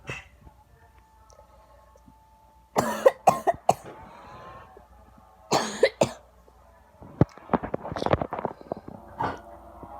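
Two bursts of harsh coughing, each two or three coughs, then quieter rustling and throat noises in a quiet room.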